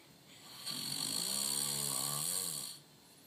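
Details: Loud snoring: one long, buzzing snore lasting about two seconds with a hissing edge, rising and falling in pitch.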